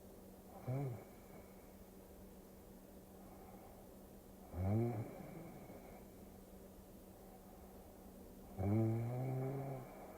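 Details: Snoring during sleep, from a sleep-aid ASMR recording: three rough, rattling snores about four seconds apart, roughly 15 a minute, over a faint steady hum.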